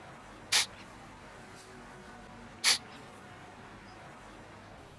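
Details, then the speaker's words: Function test of autoclaved newborn resuscitation bag, closed with palm and squeezed: two short hissing bursts of air escaping from the valve as bag reinflates, expected normal result; resuscitation bag valve air release. "puis fermé le sac avec la paume de votre main est serré le vous devez sentir de la pression sur votre main voir le sax regonflé et entendre l'air s'échapper de la soupape"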